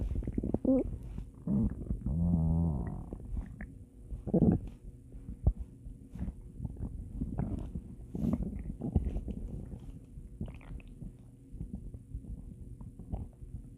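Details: Stomach growling (borborygmi): low gurgling rumbles and bubbling squeaks from the belly over a quiet background hum.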